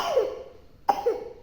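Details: Sick young child lying down with father: two short, rough, rattly coughs about a second apart; a rattly cough.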